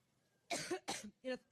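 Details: Adult woman giving a Labor Day campaign speech in Cleveland, mid coughing fit: three harsh, closely spaced coughs; she jokes about being allergic, later attributed to seasonal allergies.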